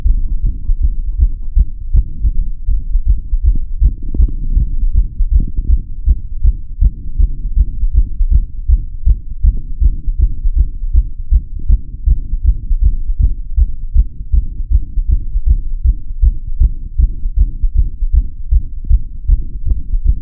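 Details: Steady, deep heartbeat thumps recorded through a stethoscope, with the sound boosted and heavily low-pitched by audio tweaks; heartbeat.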